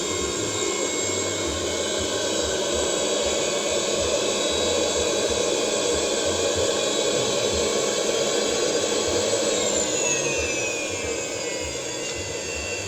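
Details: Student-built surgical suction aspirator, for removing fluids, tissue and gases during surgery: steady loud whooshing suction with motor hum, running continuously.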